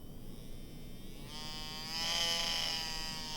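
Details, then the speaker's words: Rotary tattoo machine running, plugged into the first hole: steady high-pitched motor whine that rises and gets louder as the speed dial is turned up to more volts. "i don't know if you can hear that but the machine is running and this is going to be the dial which controls the speed when you're plugged into this first hole here"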